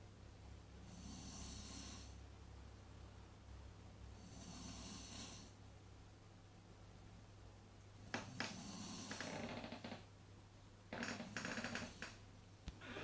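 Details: Four rough, breathy snores, with snorting on the later breaths, about 18 per minute, over a steady low room hum.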